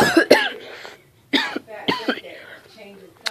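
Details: A few sharp, loose coughs from a child getting over a cold, with breathy pauses between bursts; cough.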